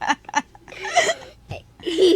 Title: His hiccups are funny 😂